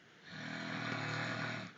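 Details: Adult man snoring at 3:30 a.m. in an unedited recording: a single long, loud, buzzing snore on inhalation, with someone chuckling in the background; heavy snoring.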